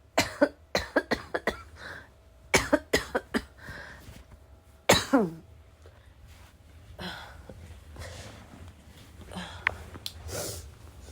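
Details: Clusters of harsh, heavy barking coughs with throat clearing and snorting between bouts, a smoker's-type cough; person vapes and is unsure whether the cough is from vaping or getting sick; barking cough.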